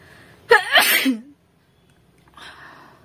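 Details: Sneezing challenge comedy clip: one forceful sneeze with a quick intake of breath before it, followed by quiet and a soft breath.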